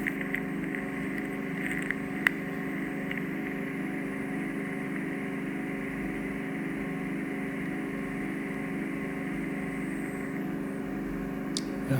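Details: Endoscopic ear microsuction of an adult man's ear canal, possibly not done for years, in a case of suspected ear canal cholesteatoma: steady droning suction hiss with a few sharp clicks and pops.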